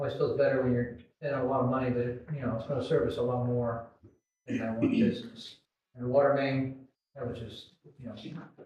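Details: Adult male speaker; normal voice.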